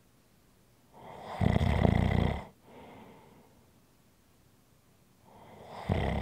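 Loud rattling snores on inhalation, with a quieter exhale between them.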